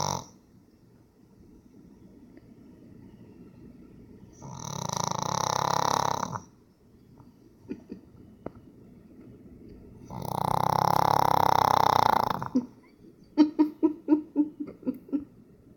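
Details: Pug snoring: two long, harsh, rattling breaths, then a quick run of short snorting pulses.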